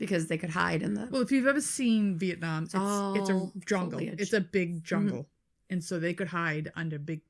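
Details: Adult woman speaking; normal voice.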